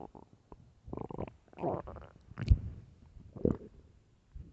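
Irregular gurgling and rumbling bursts with squeaky, bubbling gas sounds from a hungry stomach: loud, ordinary bowel sounds.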